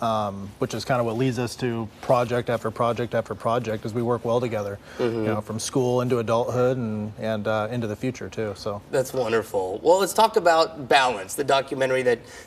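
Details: Adult man; Typical adult speech.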